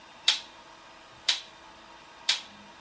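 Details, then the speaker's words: Shockwave therapy device with programmable pulse frequency: three sharp, crisp clicks about one second apart. "entonces podría ser que yo trabajará con seis golpes por segundo y aquí pues vamos a ver que la máquina cambió"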